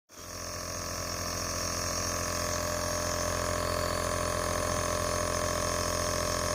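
Steady mechanical hum with a fast, even pulsing buzz from a running compressor nebulizer.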